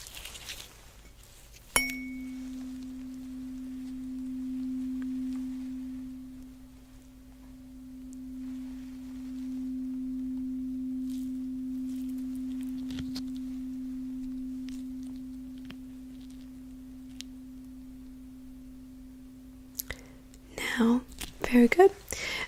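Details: Simulated ASMR role-play cranial nerve exam, hearing test: a struck tuning fork rings as a steady pure hum that slowly fades while the patient reports when the sound stops.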